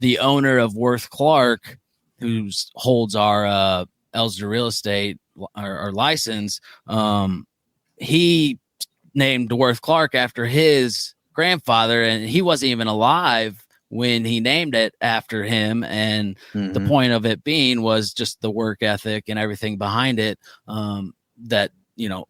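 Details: Adult man speaking; typical speech.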